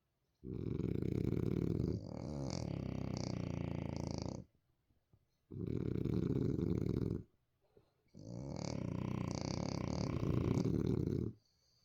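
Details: Sleeping French bulldogs after a long day of play give three long, loud, low rattling snores in about twelve seconds, separated by brief quiet pauses: snoring.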